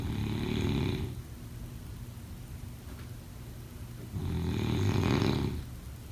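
Two loud, rough, rumbling snores about four seconds apart with quiet breathing between, roughly 15 breaths a minute; snoring during sleep.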